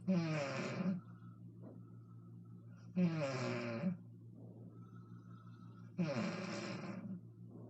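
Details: An adult mother snores loudly and roughly on each breath, about every three seconds (roughly 20 a minute), with quiet breathing between; ordinary adult snoring.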